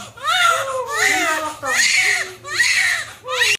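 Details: Loud, high-pitched rhythmic wails in repeated bursts with breaths between, from a newborn moments after a fast normal vaginal delivery; newborn cry.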